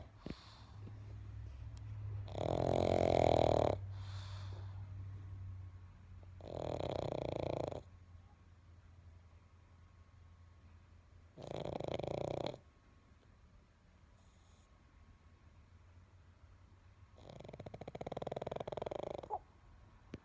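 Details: Pug asleep on a couch with TV on: loud, rough, snorting snores in long bursts every four to five seconds, about thirteen a minute, with quiet pauses between; snoring.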